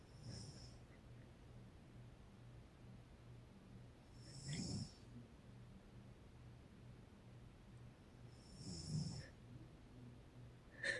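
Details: Soft low snores with a whistling hiss on each breath from a sleeping adult woman (mother), about 14 breaths a minute, over steady room hum: snoring.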